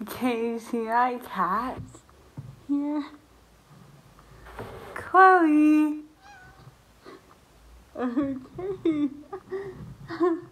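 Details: Woman who lost the ability to speak properly about a year and a half earlier due to an autoimmune reaction to a virus; dysarthria.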